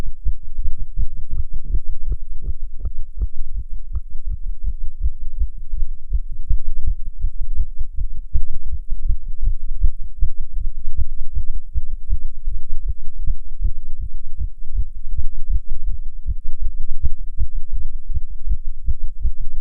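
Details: Heartbeat of a non-smoker while smoking a cigarette: rapid, closely spaced low thumps throughout; tachycardia attributed to nicotine.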